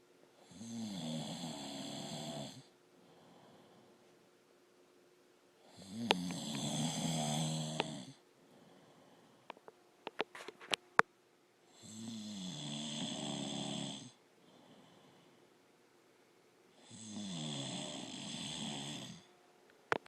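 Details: Adult man, husband, snoring: loud, rattling inspiratory snores recurring about every five to six seconds, roughly eleven breaths a minute.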